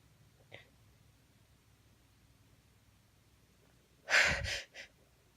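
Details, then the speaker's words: Female with a tickly nose after sniffing chhinkni to trigger sneezing: a faint intake, then one sharp sneeze with a small follow-on burst in a quiet room. "I can feel it building. Oh, what a tease. I can feel it build. There we go. That felt so good."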